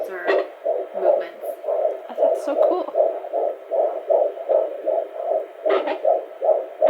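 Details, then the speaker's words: Fetal heartbeat on Doppler at a midwife appointment in a pregnant mother, with the baby's kicks heard: rapid, regular whooshing pulses at about 150 to 160 a minute, normal, with a few brief movement thumps. "so i wanted to show you kind of a little bit of the measurement and heartbeat i thought that would be fun"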